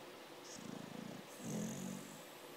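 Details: Amstaff (pit bull) dog in deep sleep snoring: two soft, fluttering snore sounds, the first rattling, the second lower and buzzing.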